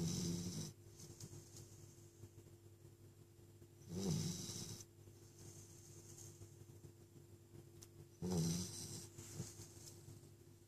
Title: SNORING PUPPY